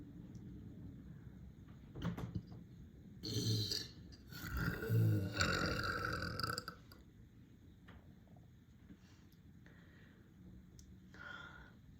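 Deep, low, rumbling belches in a small room, followed by quieter room noise; ordinary burping.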